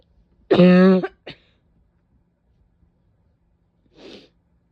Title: painful barking cough with a couple sneezes